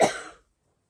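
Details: Single short cough burst that fades quickly, in a person with COVID-19 caught over Christmas and now isolating; the cough is becoming more regular, with a stuffy nose, croaky voice and breathlessness in the shower.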